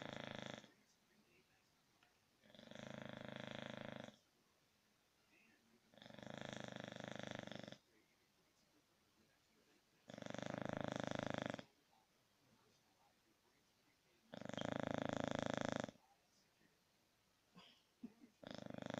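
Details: Loud, rough snores repeating steadily about every four seconds from a sleeping English Bulldog; snoring.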